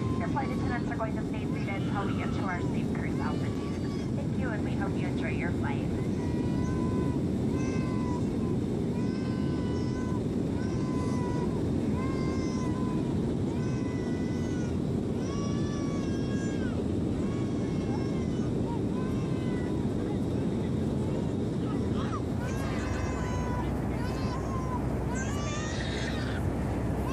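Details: Infant crying in repeated wailing bursts throughout an entire airplane flight, over the steady roar of the cabin; infant crying.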